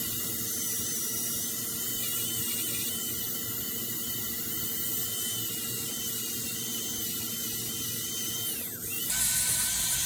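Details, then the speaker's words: Dental polishing after composite restoration of chipped, eroded upper central incisors in an adult male with incisal wear and abfraction lesions: continuous high whirring of the dental handpiece, shifting pitch near the end. "Want to just maybe some polishing? Say a little poking?"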